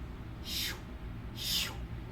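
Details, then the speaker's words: Fetal Doppler in pregnancy: two soft breathy whooshes about a second apart, vocally imitated, at maternal heart rate, identifying a maternal vessel (uterine souffle) rather than the placental, cord or fetal heart sounds. "tem três sons que você pode ouvir o primeiro som é o som de um vaso materno Como você sabe que é o vaso materno ele faz assim ó"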